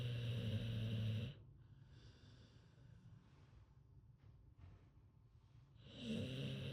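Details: Deep, buzzy snores on each breath with a long quiet gap before the next, from a sleeping American Bully (pit bull type) dog: loud snoring.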